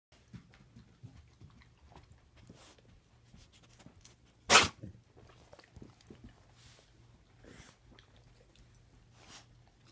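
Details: Dog cough: one sharp, explosive cough with softer huffing breaths before and after.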